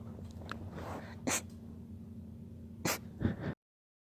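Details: Three short, sharp nasal sneeze bursts over a steady low background hum; sneezing.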